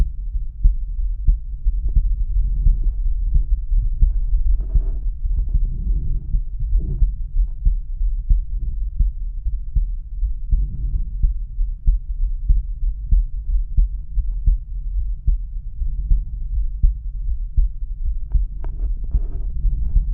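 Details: Male's own heart auscultated with a stethoscope diaphragm across aortic, pulmonic, Erb's point, tricuspid and mitral/apex areas: steady, regular low heartbeat thumps with faint background hum, normal heart sounds.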